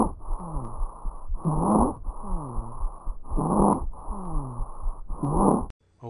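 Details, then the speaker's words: Example stridor recording: harsh, high-pitched, musical, mostly inspiratory breathing at about 32 breaths a minute, sounding like a wheeze, associated with laryngeal obstruction; stridor. "okay a third one I want to go over here stride or okay this is mostly inspiratory in nature sounds like a wheeze and it's associated with laryngeal obstructions"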